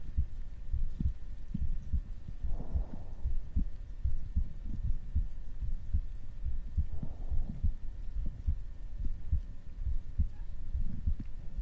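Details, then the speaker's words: Steady low thumping heartbeat about 70/min, regular rhythm, a normal resting heartbeat played by an ASMR streamer as her own. "Can you not hear it? That's my heartbeat. This is what my heart does when I see Coco."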